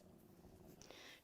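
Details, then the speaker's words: Adult woman who had barely eaten that morning: faint, low, irregular gurgling rumble with a brief hiss in a quiet room; stomach rumbling (borborygmi) from an empty stomach. "i'm really sorry if you can hear my stomach rumbling there was a mad school rush this morning to get the kids to score"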